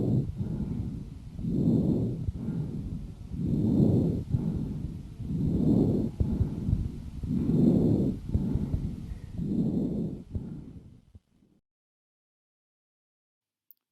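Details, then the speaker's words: Lung auscultation with a stethoscope: loud, rough breath sounds with inhalation and exhalation equally long and loud, harsh breathing. "давайте послушаем как звучит жесткое дыхание"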